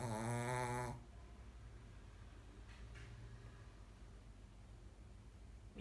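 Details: Sleeping dog: one loud, low, rumbling snore, then quiet breathing in a small room; snoring.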